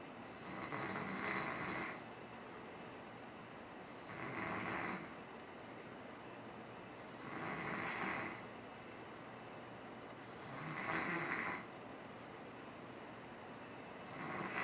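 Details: Person sleeping at home during vacation, typical snoring: regular rough, rasping snores with each breath, about 18 a minute, with quieter noisy breathing between.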